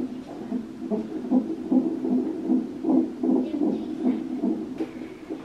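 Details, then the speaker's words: Twin pregnancy, mother in hospital with back pain, awaiting C-section: rapid whooshing fetal heart sounds on the monitor, about 150 a minute, recorded on one twin; the rate was described as a little high. "got quite a lot back pain obviously they're just monitoring the twins heart or is it on that twin one"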